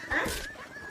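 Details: Dog coughing after a walk; the owner asks whether its neck hurts and offers water: a single short, harsh cough burst with a faint tonal trailing sound.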